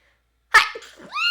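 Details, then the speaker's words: Woman: one loud sneeze with a sharp burst, then a voiced trailing sound. "sorry about that guys I just sneeze please don't make fun of my little sneeze"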